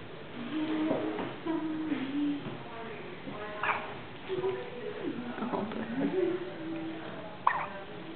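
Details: Small sharp hiccup catches with soft squeaky sounds from a one-day-old premature baby boy in a Special Care Baby Unit; ordinary infant hiccups.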